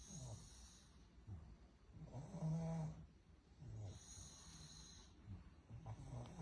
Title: Tiếng ngáy của Pug: Giai điệu của giấc ngủ. Pug's Snoring: Melodies of Sleep"